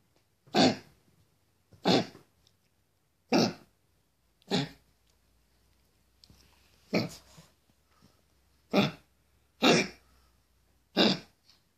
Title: Meeya when she began to cough and we found out she had congestive heart failure